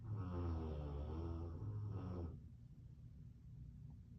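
A deep, rumbling rattle on one breath that stops abruptly, followed by quiet: a large dog snoring.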